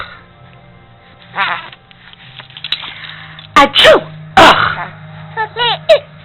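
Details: Simulated sneezing: an adult makes loud fake sneezes followed by "ugh," and a 4-month-old infant answers each one with bursts of laughter. These are not real sneezes.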